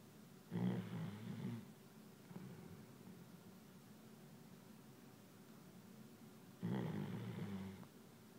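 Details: Two deep, rumbling snores about six seconds apart with quiet breathing between, during deep sleep; snoring.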